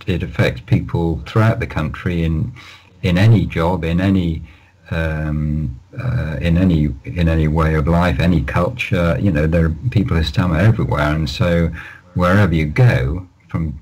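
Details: Adult man who has stammered all his life, managing it with prolonged speech and relaxation techniques; stammering (stuttering).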